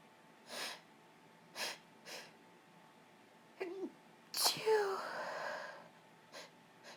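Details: Woman sick for a few days: a few sniffs and a catching breath, then one forceful sneeze in a quiet room; sneeze.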